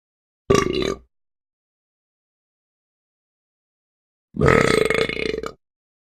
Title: Burping puppy insane